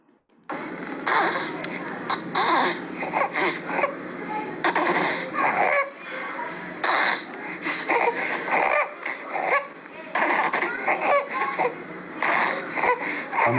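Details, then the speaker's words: Newborn with stridor since one week of life: noisy, harsh, low-pitched inspiratory stridor, which is said to worsen mainly during sleep and disappear with crying. "El estridor tiene tono grave. Lo van a escuchar a ustedes ahora y va a parecer de que no es de tono grave, pero cuando lo comparemos con otro van a ver que es de tono grave y que aumenta fundamentalmente durante el sueño y desaparece en el llanto."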